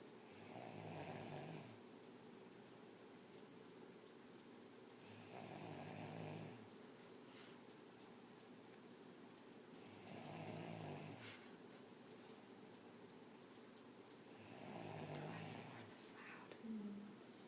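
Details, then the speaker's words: Drunk woman asleep, snoring: four loud, rough snores, breaths roughly every 4.5 seconds, about 13 a minute, in a quiet room; described as really loud breathing. "Yeah. That's so funny. So it's like really loud breathing."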